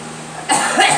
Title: Girl coughing